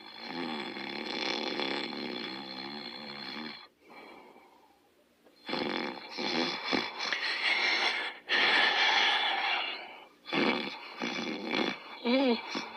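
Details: Snoring during sleep: loud, rough, rattling snores in long breath-length bursts with pauses between them.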